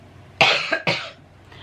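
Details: Adult woman who says she has come down with a cold, not ill, just coughing: two quick, harsh coughs.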